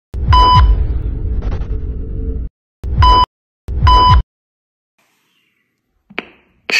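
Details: A Meditech Defi 5s plus biphasic automated external defibrillator with adult/child mode powers on and runs its self-check, giving three loud tonal beeps over a low rumble and music-like sound.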